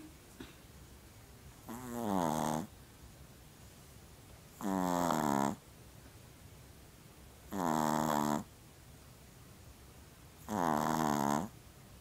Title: Funny Snoring Pomeranian